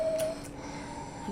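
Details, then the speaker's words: Simulated dental-practice asthma attack triggered by cat exposure: an adult woman breathes out, then in through a reliever inhaler with spacer. Peak flow best 295, later SpO2 96% and pulse 104. "Junior can you help with the puffer please and breathe out and breathe in great"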